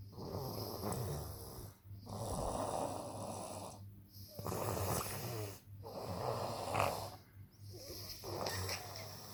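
Rough, rattling snores on the in-breath, about five in nine seconds, separated by brief quiet pauses; ordinary snoring.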